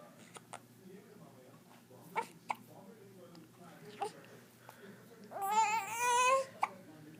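Repeated brief, sharp catches in the breath in an infant, with soft babbling and a short whimpering cry: hiccups.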